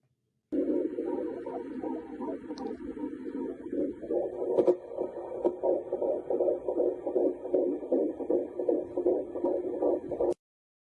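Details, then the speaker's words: Rapid rhythmic whooshing pulses at about 155 to 160 a minute, a normal fetal heartbeat on ultrasound; fetal heartbeat. "i heard the electrical impulses of my child's heart beating with my own two ears and i watched it on the screen you can see it on my first child you just saw it on my second child here have a listen"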